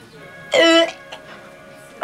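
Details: 14-year-old boy with Tourette syndrome, a case in a mouth-appliance treatment series, who reports yelling and a few verbal tics, saying he has not had them lately; vocal tic.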